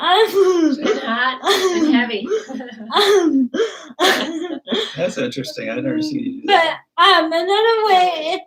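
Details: Adult speaker; typical speech.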